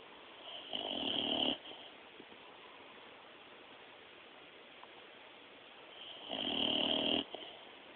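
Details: Sleeping dog snoring, recorded on a mobile phone: two rasping snores about five seconds apart, with quiet breathing between them.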